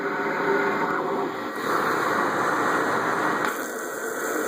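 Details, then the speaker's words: Steady rushing machine airflow shifting between phases as a young child uses a cough assist device on her own; mechanical insufflation-exsufflation (cough assist). "So to anyone who thinks that their baby won't get used to using the cough assist, begs to differ."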